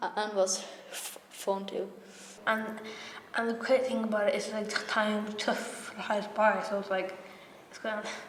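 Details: Stammering (stuttering) in a young female member of the Irish Stammering Association youth theatre, who describes her stammer as repeating words again and again.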